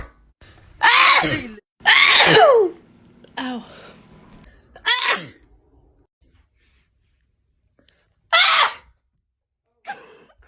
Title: TikTok Sneezing 25